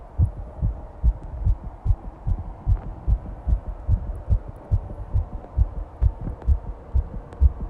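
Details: Rapid, regular low heart thumps at about 140 beats a minute: fast heartbeat, tachycardia.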